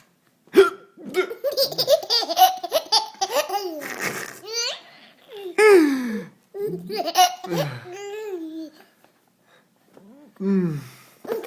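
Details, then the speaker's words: An adult man (a father) has hiccups that he says hurt a little, like something stuck. Abrupt voiced gulping hiccups mix with his baby's repeated laughter. "it's so funny Daddy doesn't like when he hiccups and it hurts a little bit it's like I have it's like it's like I have something stuck"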